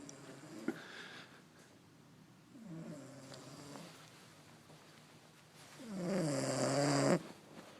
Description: Girl passed out snoring...make sure you see the end!